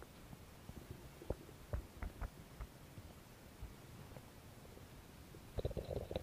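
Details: Belly noises recorded as no-talking ASMR: faint scattered clicks and low gurgles ending in a brief bubbly rumble; ordinary bowel sounds (borborygmi).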